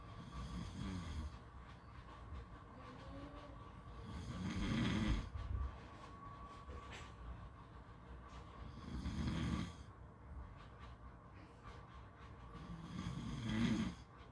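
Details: Rough, rattling snores on inhalation about every four to five seconds, recorded at a beach over low steady background rumble.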